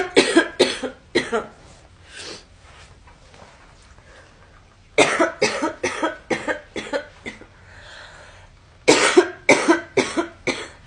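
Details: Girl coughing: three clusters of loud, harsh coughs, about twelve bursts in all, separated by quiet breathing pauses; repeated coughing fits.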